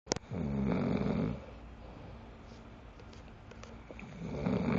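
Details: Adult man (boyfriend), very tired, snoring in sleep as he always does; two coarse, vibrating snores with a noisy pause between; loud snoring bad enough to keep partner awake.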